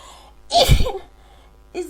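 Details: A single loud, explosive sneeze after a sharp intake, part of a huge sneezing fit; the person is unsure whether it is a cold or allergies.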